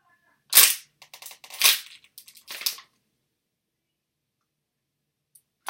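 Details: Person cracking own neck: several sharp crackling pops in quick succession, then silence; self-induced neck joint cracking (joint cavitation).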